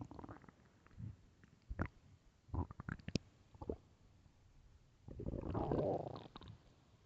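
Low gurgling and squelching rumbles in irregular bursts, ending in a longer growl; loud hunger stomach growling.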